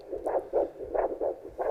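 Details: Handheld Doppler on the wrist of an adult during tourniquet first-aid training; rhythmic whooshing pulses show a present, normal radial pulse, which should be absent below an effective tourniquet.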